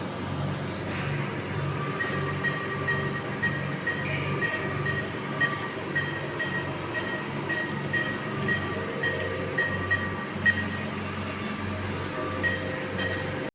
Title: This baby on ventilator machine 📳 on CPAP mode |👉( pt 30 weeks| lbw | RDS ) #subscribe my channel